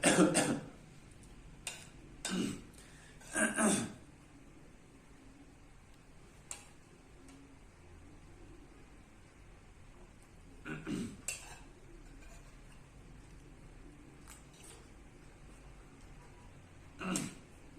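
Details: Adult man with Tourette syndrome: short, forceful throat-clearing bursts in irregular clusters; throat clearing tic.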